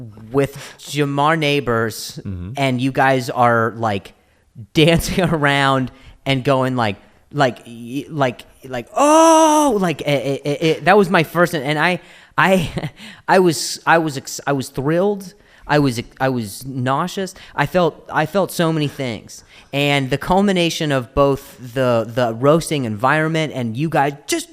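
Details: Stuttering in an adult male comedian known for his stutter, in spontaneous conversational podcast speech with word and phrase repetitions.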